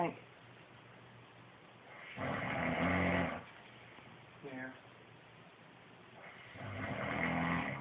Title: snoring